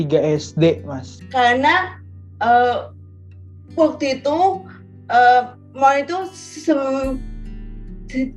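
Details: Stuttering in a member of an Indonesian stuttering community, with onset noticed in 3rd grade of elementary school.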